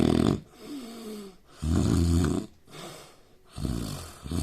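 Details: Snoring from a sleeping Indian man: loud, rough, irregular snores, alternating harsh vibrating snores with quieter breaths.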